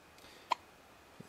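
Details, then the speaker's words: Four-day-old baby boy with hiccups, lying on a bed: a single sharp, brief hiccup sound in a quiet room, then a faint soft bump; infant hiccups. "He's four days old and he's got bigger cups. Not his first case, but definitely maybe his second or third."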